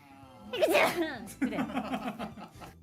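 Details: Performed sneeze by a female Umamusume voice actor: a brief build-up, then a sharp burst with a trailing voiced tail.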